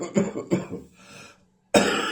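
Two harsh, chesty coughs, a brief pause, then the start of another cough burst; a bronchitis cough.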